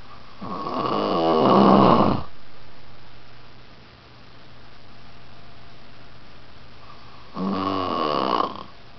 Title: Unc Snoring